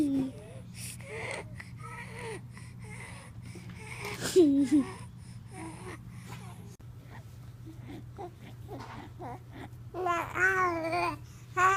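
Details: A 3-month-old girl, a noisy breather since 3–4 weeks and especially while nursing, breathes noisily and wheezily with fussy vocal sounds; wheeze/stridor from tracheomalacia.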